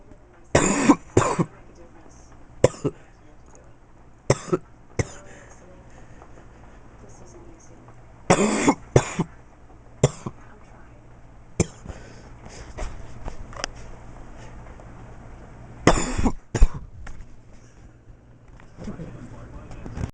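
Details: A child who says they were sick coughs repeatedly in short paired bursts while playing with a hand monster, with quiet room noise between; possibly put on playfully.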